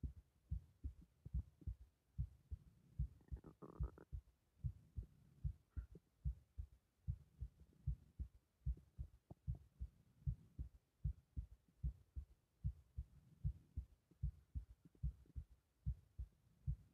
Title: 拍動強めな頸動脈